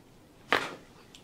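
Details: A single quick crack with a short rustle as a chiropractor adjusts a woman's tight, stiff spine; harmless joint cavitation during spinal manipulation.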